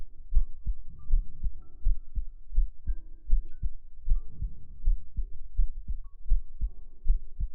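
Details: Steady, soft, low normal heart thumps at about 79 beats a minute with a faint tonal hum behind them, recorded as a heart-sound ASMR segment.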